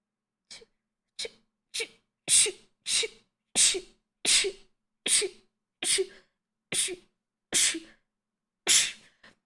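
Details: A female streamer sneezing rapidly: about thirteen short, sharp sneezes in under ten seconds, separated by brief silent gaps.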